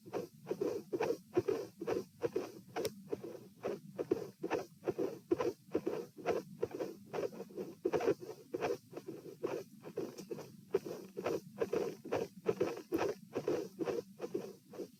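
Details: Stress-test auscultation at position P in a patient with dilated aortic root, 66-66-72 bpm while lying, sitting and standing: irregular heartbeat near 70 a minute, soft midsystolic murmurs and a cyclic extra third component of S2.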